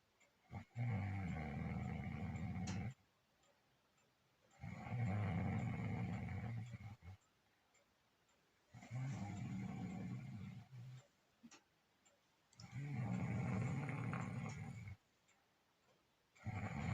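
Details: Loud, low rumbling snores, recurring about 15 times a minute, each lasting two to three seconds; snoring.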